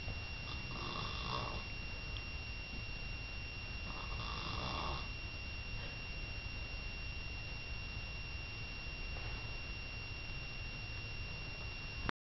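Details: Snoring in a sleeping bear: soft, rough snores recurring over a steady background hiss and a constant electronic tone.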